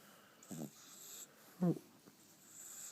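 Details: Two short snorting snores from a sleeping French Bulldog puppy over a few seconds, with steady room hiss behind; snoring.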